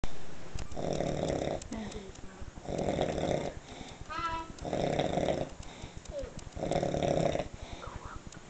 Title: sleeping ans snoring